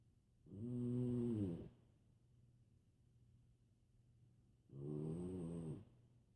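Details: Pet named Sadie snoring loudly like a freight train during sleep: two loud, buzzing snores about four seconds apart with quiet breathing between; regular snoring.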